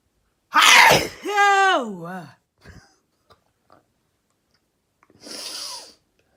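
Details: Person sneezing: a sharp noisy burst, a voiced groan, then a softer second breathy burst; a sneeze followed by a smaller one.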